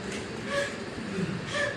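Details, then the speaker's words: Brief, soft voiced expiratory grunts at the end of each breath out over background hiss, presented as newborn respiratory distress with fast breathing: expiratory grunting. "Taquipnea, que es respiración acelerada. Dificultad respiratoria, quejido respiratorio."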